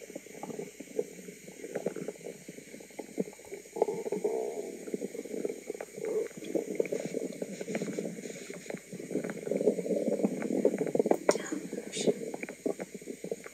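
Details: Woman's own stomach recorded: continuous bubbling, gurgling rumbles with brief hissy clicks; active, noisy bowel sounds, normal stomach gurgling (borborygmi).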